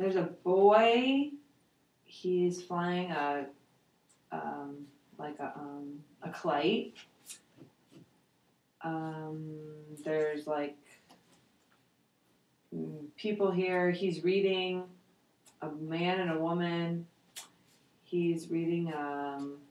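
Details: 72-year-old man with aphasia after a stroke in July 2003, with bilateral sensorineural hearing loss, doing the Western Aphasia Battery Revised picture description; aphasia with word-finding and naming difficulty.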